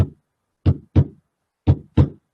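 Paired low thumps in a steady lub-dub rhythm, the normal first and second heart sounds with nothing between them.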